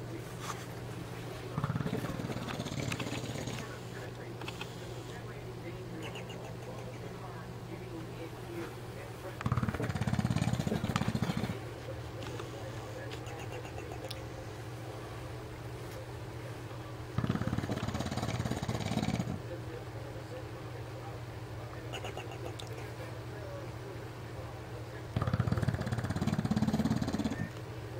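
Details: 4-year-old English Bulldog snoring while asleep, loud rumbling bursts about every eight seconds over a steady low hum.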